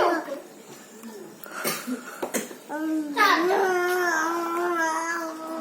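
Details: Infant babbling until coughing: babbling and vocalizing with a few short cough-like bursts, then sustained cooing; an ordinary infant cough.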